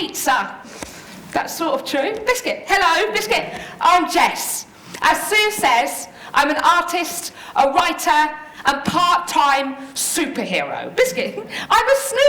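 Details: Adult woman living with Tourette syndrome, with frequent vocal tics of words interrupting her speech; vocal tics (Tourette syndrome).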